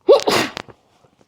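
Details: Quick indrawn breath, then one explosive sneeze trailing into a soft exhale; sneeze deliberately self-induced.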